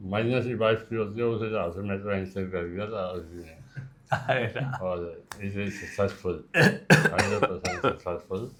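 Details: Articulation impairment in a man about two hours after surgery for stage one tongue cancer: near-hemiglossectomy with local tissue reconstruction and neck dissection; the surgeon attributes the speech effects to swelling and injections.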